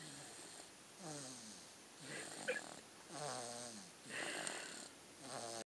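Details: Light snoring on this day, though not always: soft, whistling, nasal snores, about one breath every two seconds.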